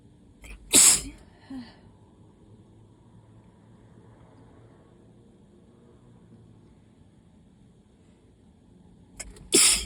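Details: Allergy sneezing: two sharp, explosive sneezes separated by a quiet stretch, with a small sound between them.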